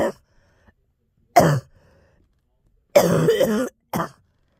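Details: About four separate coughs from a girl with throat clearing in a quiet room, one longer and more drawn out, amid exclamations of pain; a plain cough.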